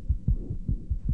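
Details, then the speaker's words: Heart auscultation teaching recording, likely pediatric context, demonstrating a diastolic murmur, contrasted next with a systolic murmur. "when listening to heart sounds we note their intensity possible splitting whether there are additional sounds in the form of a third or fourth heart sound and clicks murmurs can be diastolic"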